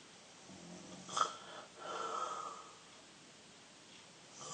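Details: 13-year-old boy snoring in sleep: two noisy, rattling breaths with a whistling edge, in a quiet room.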